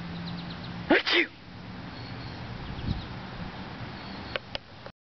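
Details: Sneeze, possibly an adult's faked sneeze made to amuse a baby who sneezes in threes in bright light and then giggles: one sharp, explosive two-part burst, then quiet room noise.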